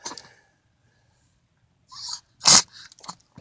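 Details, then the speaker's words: Sneezing from a person given echinacea medicine (alcohol base partly evaporated); a sharp hissing sneeze with a short snort and a few smaller sniffs after it, in a quiet room; possibly a fake sneeze. "I caught that one and you believe I caught that sneeze my face I'm sorry anyway it's not funny that's the medicine"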